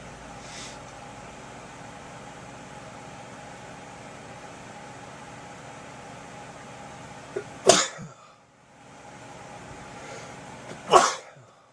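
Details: Induced sneezing, face visible: two sharp, explosive sneezes a few seconds apart over quiet room hum.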